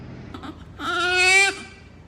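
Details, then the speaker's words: Short, strong, clear cry of a newborn baby girl in hospital just after a difficult birth: a brief fuss, then a sustained wail lasting under a second. "Syempre nahirapan din siya sa kanyang paglabas iyak-iyak siya umiiyak iyak"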